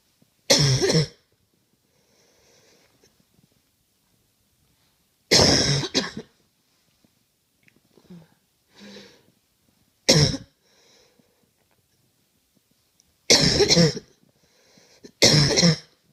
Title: Coughing